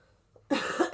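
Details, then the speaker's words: Single harsh, loose-sounding cough from an adult who is croaky, not feeling sick but coughing a lot to clear congestion, consistent with clearing chest or throat. "I'm not sure how long I will be streaming for because I'm I'm sure you can hear I'm still a bit croaky um I'm not feeling I'm not feeling sick but I'm getting I'm getting all the crap out of me so I'm doing a lot of coughing"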